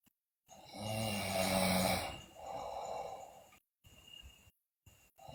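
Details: Sleeping girl: loud, rough snore on breathing in, then a softer breath out and brief pauses; loud snoring, also described with bruxism and delirious talk.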